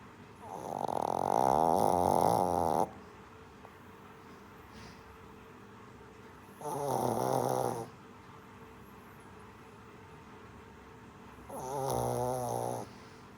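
Three drawn-out, buzzing snores from a small puppy, with quiet pauses between them in a quiet room.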